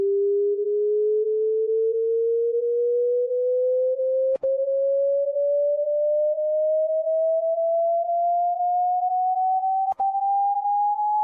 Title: Hearing Test